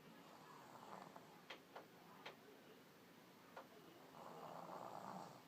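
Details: Light snoring in a sleeping baby holding his head up: soft, noisy breathing with a few small clicks and a longer rasping breath at the end.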